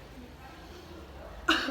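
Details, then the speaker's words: Simulated nursing-student demonstration of effective cough education: patient, hands on abdomen, inhales, holds 2–3 seconds, leans forward and gives one strong single cough to clear phlegm after a quiet pause; repeated three times. "Nanti batukkan, lalu condongkan badannya ke depan ya, sama ditekan hatinya Bu ya."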